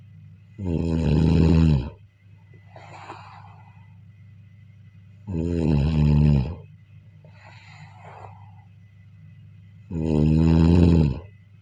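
Loud vibrating snores on each breath in, about 13 a minute, with airy breaths out between and faint room hum.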